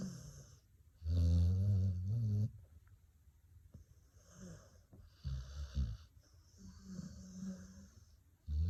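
A sleeping dog snores with loud, low, rattling sounds on each in-breath and quiet breathing between.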